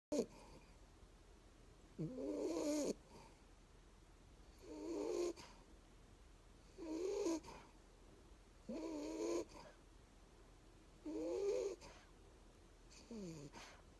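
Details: A sleeping blue-eyed bulldog puppy that sometimes snores, hiccups and has nightmares at once: repeated snorting, whiny snores about every two seconds, around 28 a minute, with soft whimpering.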